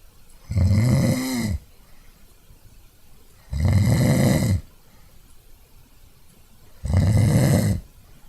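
Three loud, low, rattling snores on inhaling, roughly 19 a minute, with quiet pauses between them. Ordinary snoring.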